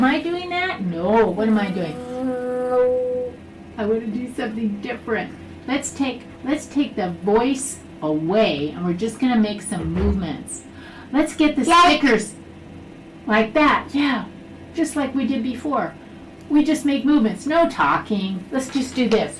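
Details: Adult woman speaking; normal speech.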